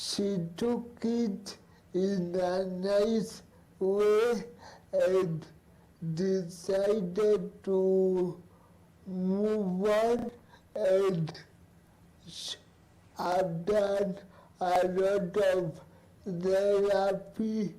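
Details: Man, cerebral palsy advocate living with cerebral palsy since birth; dysarthric speech (cerebral palsy).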